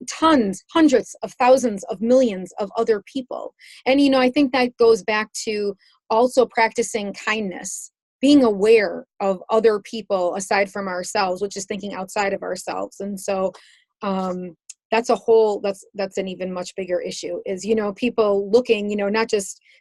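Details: Adult woman speaking; typical speech.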